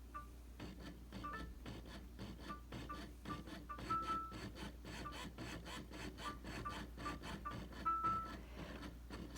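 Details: Rhythmic mechanical whirring and rubbing pulses with short electronic beeps from a Medela Sonata electric breast pump running its cycle during an unboxing, not attached to the user; air-leak alert shown.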